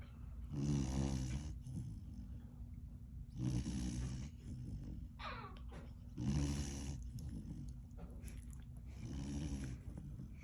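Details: Three-month-old puppy with megaesophagus snoring in sleep after a tiring day: four regular rumbling snores about three seconds apart, roughly 20 breaths a minute.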